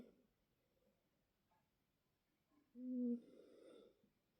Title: Mylo Cat Snoring